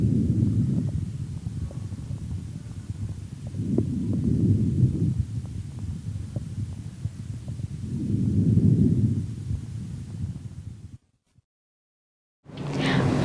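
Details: Child's chest through a stethoscope, pediatric teaching example: soft, low, blowing breath sounds rising and fading steadily, about 15 breaths a minute, no added noises: normal vesicular breathing.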